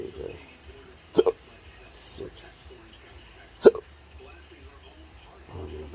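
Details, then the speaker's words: Adult in a cancer study with intractable hiccups and choking spasms, recorded on the day of a doctor's appointment: two sharp, abrupt hiccups a few seconds apart over quiet room noise; persistent hiccups. "I know that the hiccups will probably stop before I get there because they like to stop for doctors"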